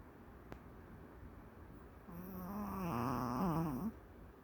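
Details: Maltese dog napping during the day: quiet room, then a single whistling, whiny snore lasting nearly two seconds.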